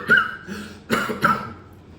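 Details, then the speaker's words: Imitated asthma cough: after a deep breath in, a short run of three forceful coughs with a faint wheezy, whistling edge, as asthma patients cough. "Asthma के मरीज asthma के मरीज को बहुत खांसी होती है। वो ऐसे खांसते हैं।"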